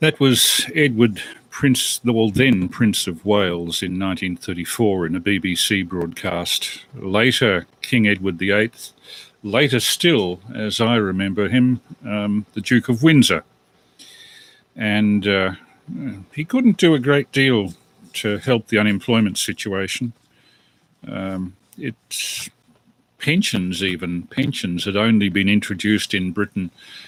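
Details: Adult male speaker; normal speech.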